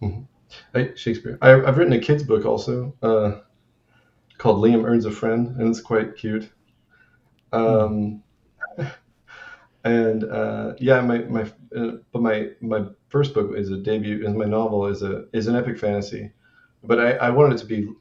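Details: Adult man with Tourette syndrome who reports self-injurious motor tics, grunting and name-calling outbursts; a repeated interjected word intrudes as a vocal tic; vocal tics (Tourette syndrome).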